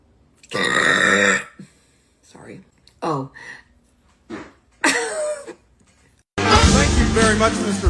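Several loud, long voiced belches with short sounds in between, mixed with music; deliberate burping.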